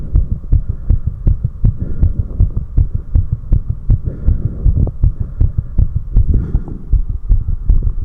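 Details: Own heart recorded after 4 minutes of step-up exercise: rapid, forceful, regular pounding at roughly 150 beats a minute over a low hum; fast heartbeat after exercise.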